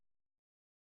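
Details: Child's lung auscultation recorded with a StethoMe electronic stethoscope, AI-classified: a brief run of low popping coarse crackles, characteristic of bronchitis and pneumonia.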